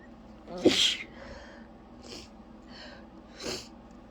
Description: i was so glad i was able to at least partly muffle the sound of some of this sneezing fit into a pillow because there was no way i could have kept quiet otherwise